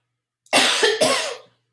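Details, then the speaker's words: Person with suspected allergies coughing in the background: a single brief dry cough in two quick bursts. "on't know if you can hear him coughing but he's like coughing lungs out now allergies anyway"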